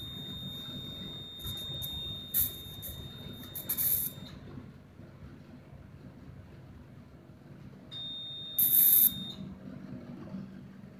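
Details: Laser treatment for wart removal: steady high-pitched tone with short bursts of hissing suction from the laser device running; surgical laser beeping.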